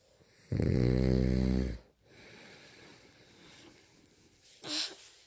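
One loud, buzzing, fluttering snore on breathing in, followed by quiet breathing and a brief softer sound; loud snoring.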